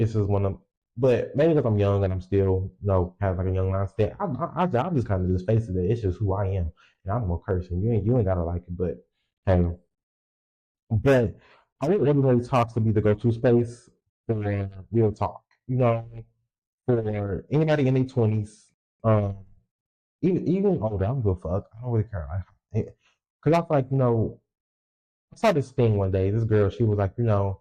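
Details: Adult male podcast host who says he has a speech impediment and has stuttered his whole life, stuttering left unedited; stuttering.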